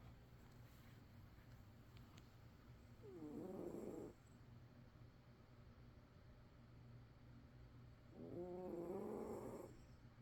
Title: Snoring Cat relaxing sleep